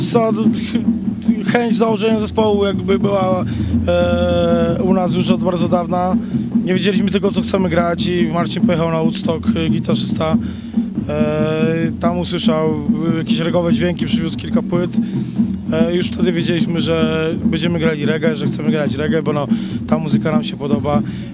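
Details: Adult man speaking Polish; no disorder.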